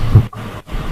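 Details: Child under autism assessment making guttural sounds, noted under restricted and repetitive behaviours. Finding: guttural vocalizations.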